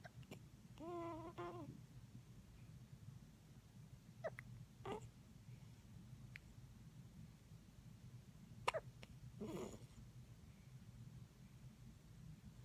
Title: Hospital hiccups